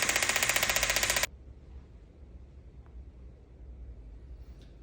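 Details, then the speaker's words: About a second of rapid, harsh, jackhammer-like pulsing, then quiet room noise: a shockwave (acoustic wave) therapy device firing on the knee for chronic knee pain, described as penetrating the tissue. "with this shock wave or we call it acoustic wave therapy sounds kind of like a jackhammer right there you see is it's penetrating down into the tissue it's allowing everything to be broken up and start to"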